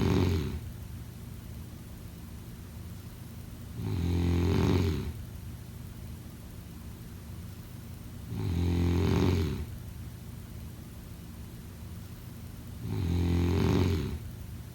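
Loud, regular snores every four to five seconds, about 13 breaths a minute, with quiet exhalations between; steady snoring during sleep.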